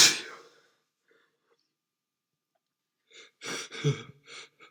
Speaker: No, I definitely have a cold. Bless me.